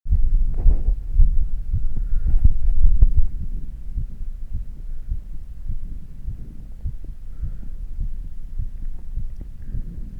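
Fast, regular low thumping heartbeat, louder at first and then softer, settling after exercise; normal heart sounds.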